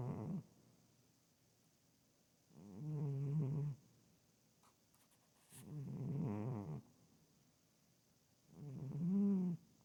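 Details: Loud snoring from a female pet cat: low, buzzing snores about one second long, roughly every three seconds, with near silence between them.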